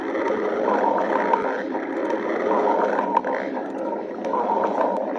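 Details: Low, rolling rumbles and gurgles come in waves from a badger's stomach, the ordinary sound of gas and fluid moving through the gut; stomach growling (borborygmi).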